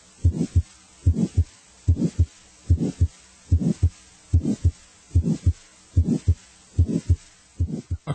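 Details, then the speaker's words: Decrescendo heart murmur that starts loud and grows softer through each cycle, in a regular heartbeat at about 73 a minute. "A crescendo murmur grows louder. A decrescendo murmur grows softer."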